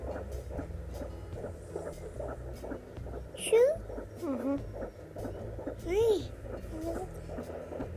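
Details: Fetal heartbeat at 19 weeks of pregnancy on a Doppler: fast, steady whooshing pulses, with brief voice sounds over it.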